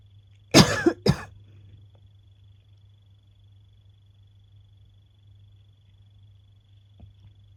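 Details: Real recording of a person with asthma, woken from sleep by a coughing fit: two quick, harsh coughs back to back, then a quiet room. Asthmatic cough.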